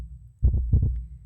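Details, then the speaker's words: Two clear lub-dub pairs of low thumps, a steady normal heartbeat with distinct first and second sounds, presented in a sermon as the speaker's own heart sound. "여러분 인간의 수명은 보통 평균 80으로 봅니다이 제 심장 소리예요 인간의 수명을 평균 80 정도로 보면요이 80년 동안 저 심장 소리가 몇 번 냐면 약 20억에서 30억 번 뛴 대요"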